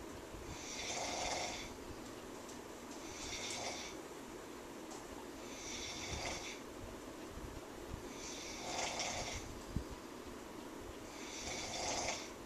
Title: Snores Really Loudly